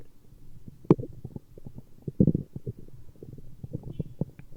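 Quick bubbling gurgles and low rumbles in irregular bursts, ordinary stomach growling from gas and fluid moving through the gut.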